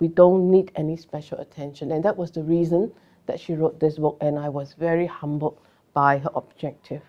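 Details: Adult speaker; typical speech.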